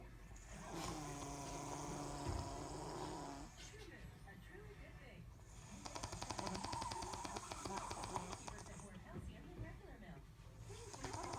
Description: My mom snores so loud you got to put earplugs in.